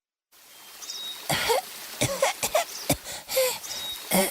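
Several short, harsh acted coughs from an adult, repeated bursts with brief pauses, over faint background hiss.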